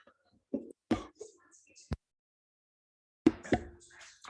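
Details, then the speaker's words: Several short, dry throat-clearing coughs from an adult with a lingering cough after recently recovering from COVID. "me if you hear a cough throughout the video um i just got over i had coveted so i still have that lovely kobe cough lingering around"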